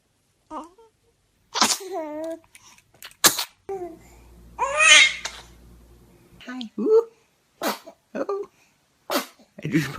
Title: Cute Babies Sneezing Moments - FUNNY 2019 BABY 2019 Video